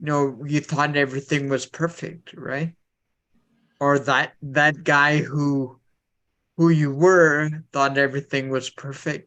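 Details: Adult man speaking; Normal conversational speech.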